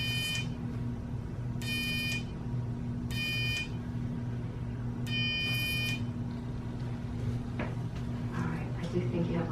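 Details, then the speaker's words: Electrocautery during minor surgery: short repeated high electronic buzzes over steady room hum, sealing small oozing blood vessels. "a little buzzing noise you're gonna hear just a color that stops a little bit of vessels and oozing"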